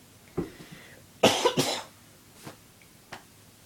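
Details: Several dry cough bursts from an adult woman with a very dry throat in a quiet room; a plain dry cough.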